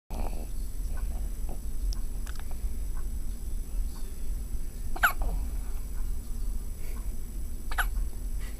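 A few sharp, abrupt catches over steady low background rumble; hiccups.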